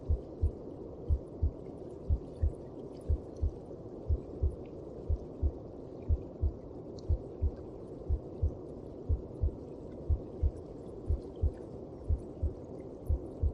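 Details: Maternal heartbeat heard from inside the mother's abdomen: steady paired thumps at about 60 beats a minute over a low, muffled whooshing background.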